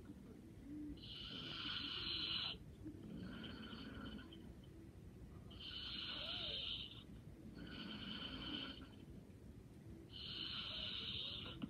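Light, regular snores about 14 a minute with a rattling, whistly breathing tone during sleep.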